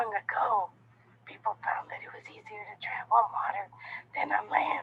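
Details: Middle-aged woman, five months of non-organic (functional) voice problem of unclear cause, unhelped by six prior speech therapy sessions; abnormal vocal fold posturing and flaccidity with a structurally normal larynx; normal voice elicited minutes later: functional dysphonia.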